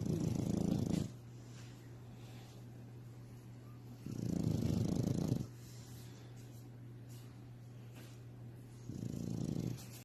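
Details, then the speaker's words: Rescue animal snoring: three long, low, rumbling snores on in-breaths about 3 to 4 seconds apart, purr-like in quality, with quiet pauses between. "Must love snoring that sounds like purring."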